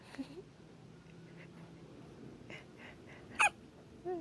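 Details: Elise (labelled 7D) hiccuping nonstop: several abrupt, short voiced catches about a second apart, with one louder burst near the end; repeated hiccups.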